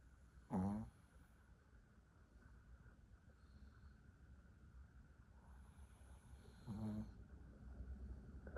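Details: Sleeping dog, said to be very tired, snoring loudly: two rattling snores about six seconds apart over quiet room hum.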